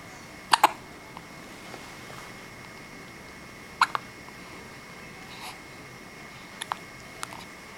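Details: Repeated sharp, brief hiccups, often in quick pairs, every few seconds from a tired baby girl in a quiet room, who also sneezed; infant hiccups.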